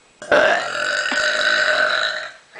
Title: Burping contest I won!